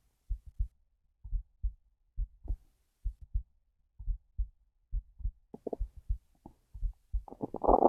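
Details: Hungry stomach: soft low heartbeat thumps with gurgling stomach growls rising toward the end, normal hunger bowel sounds.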